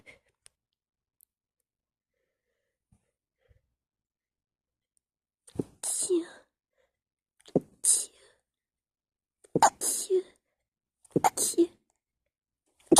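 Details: Four sneezes in a row in a quiet room, each a sharp intake followed by a forceful burst.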